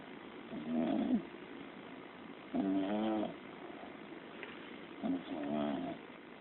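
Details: Soft, irregular voiced snores, three in about six seconds, with quiet breathing between; snoring.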